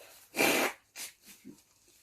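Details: Sneezing while reading sneeze fiction aloud: one loud, forceful sneeze, then a smaller follow-up burst and soft sniffs.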